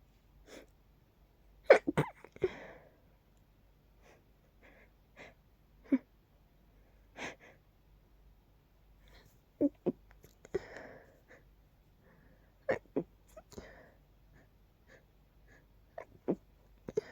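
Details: Night-time sneezes from a nose tickle, deliberately pinched to stay quiet: long run of small stifled sneezes, some in quick pairs, soft breaths between, quiet room. Repeated suppressed sneezing.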